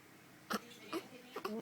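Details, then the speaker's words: A person, who often gets hiccups: three short, abrupt voiced catches about half a second apart in a quiet room; repeated hiccups. "how do you always get the hiccups? Huh? You always have them."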